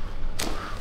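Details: Adult woman with worsening headaches, chiropractic neck adjustment: a single brief, sharp joint cavitation click over low room rumble during light neck traction on exhalation.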